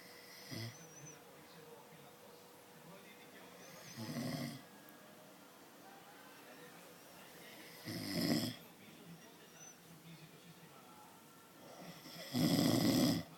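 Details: Slow, rough snoring breaths every few seconds, each a low rattling snore against quiet room noise, from a sleeping person; snoring.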